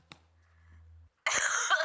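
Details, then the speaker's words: Coughing heard on a played-back voice recording, which a man claims is his own coughing. "şimdi bu ses kaydı bu öksürme sesi kime ait benim Ablacığım ben öksürüyordu"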